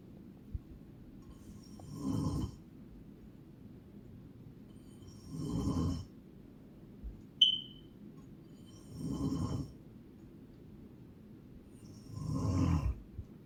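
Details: Loud, rough snores from a sleeping adult woman (a mother), recurring about every three and a half seconds, roughly 17 a minute, in a quiet room with one brief whistle-like sound; snoring.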